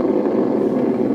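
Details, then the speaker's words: Needle EMG of the first dorsal interosseous muscle with the finger raised all the way: dense, continuous rushing roar of overlapping motor unit potentials, a full interference pattern showing the muscle is fully activated. "and now this is called Full interference pattern that means that the muscle is fully activated"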